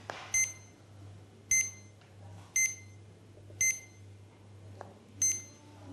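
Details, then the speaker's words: CADD Legacy PCA morphine pump: five short high-pitched beeps about once a second as the run/stop key is held to stop the infusion. "pour arrêter la perfusion appuyer sur la touche marche arrêt jusqu'à ce qu'une série de trois tirs et apparaissent"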